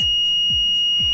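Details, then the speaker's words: Steady, piercing high-pitched electronic alarm tone with soft pulsing: ventilator-inoperative alarm of an LTV1200 portable ventilator during pre-use check, triggered by turning the ventilator off and observed for 15 seconds. "observe the ventilator for 15 seconds listen for the alarm tone for the full 15 seconds watch the dead in OP LED for the full 15 seconds"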